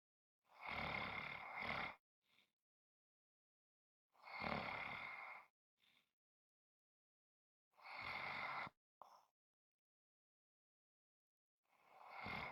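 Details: Heavy snoring: loud, harsh, rattling noises on each breath in, about every four seconds, with short soft breaths out between them.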